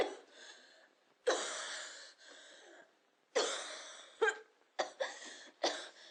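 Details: Cough.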